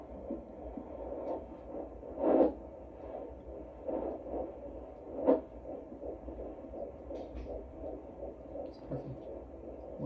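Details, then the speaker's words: Early fetal heartbeat heard for the first time on Doppler at an ultrasound visit, pregnancy after a previous early loss, baby girl: fast rhythmic whooshing pulses through static, about 165 beats per minute. "so we heard the baby's heartbeat for the first time that was really cool um I'll insert a little video clip Scott got it's it's kind of on his leg so it's black you can't see anything but you can kind of hear the heartbeat a little bit so I'll insert that"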